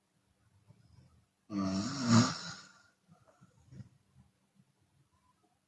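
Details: Chinese woman snoring with open mouth, sometimes on the exhale: one long, loud, rattling snore followed by quieter breathing noises; open-mouth snoring.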